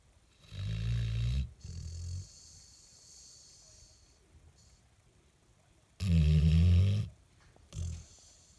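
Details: Deep, rattling, low snores come in bursts with quiet breathing between them; loud snoring in a sleeping Labrador dog.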